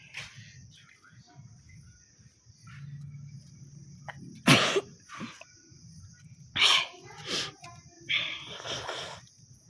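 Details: Tickle-induced sneezing: a sharp, explosive sneeze followed by several smaller sneezes, with a soft low hum in the background.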